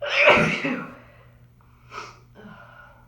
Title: Buildups and big powerful cold sneezes